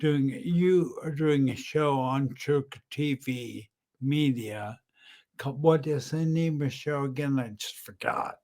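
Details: Ataxic dysarthria with aphasia in an adult man about 10 years after a brain aneurysm followed by a massive stroke; he was initially totally unintelligible, and a clinician identified ataxic dysarthria.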